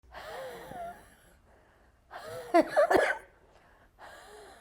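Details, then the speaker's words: A child with bronchiolitis breathing noisily: three breaths in a quiet room, each with a high, musical whistling tone that rises and falls, a wheeze from bronchospasm. "tá vendo esse barulho isso é bronco espasmo exatamente isso quebrou que ele pode causar o seu filho"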